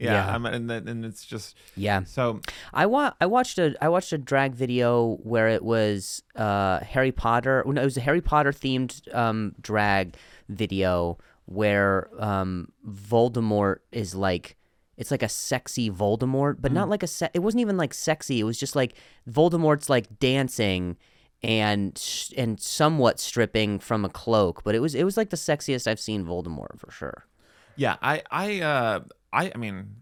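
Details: Comedian who stutters, speaking in a podcast conversation; stuttering.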